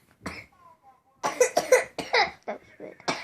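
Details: A child's little brother coughing repeatedly, recorded at home after school; cough.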